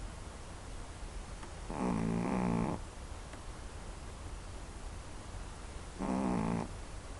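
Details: One minute of regular sleep snoring; two rough, buzzing snores about four seconds apart over steady background hiss, about 15 breaths a minute.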